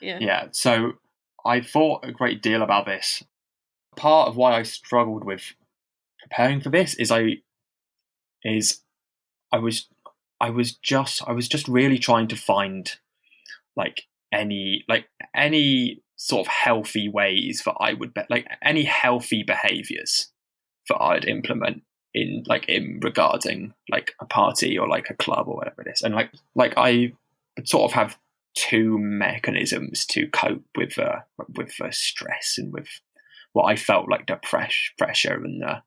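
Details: Stammering in a man who stammers, speaking unscripted as a podcast co-host; he reports having really heavy blocks.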